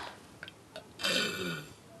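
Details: Burping contest among friends: after a few small clicks, one long, loud, rumbling burp.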